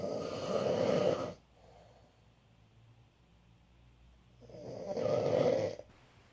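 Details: Two loud, rough, rattling inhaled snores with quiet pauses between them from a man (father) snoring during sleep.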